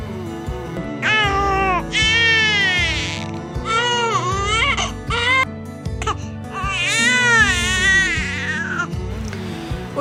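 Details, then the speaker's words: Infant tired (sleep) cry: drawn-out wailing bursts with an oval mouth and an 'owh' vowel sound mixed into the cry. "o soro do sono ele é um reflexo ele é um choro que vem do reflexo do bolso e jardins então o bebê ele fica com a boca bem mais a ovalada e acaba emitindo um som de all"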